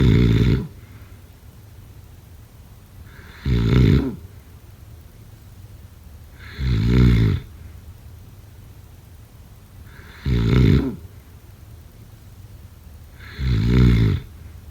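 Loud, deep rattling snores on each breath, about 18 a minute, in a steady rhythm with quiet between them.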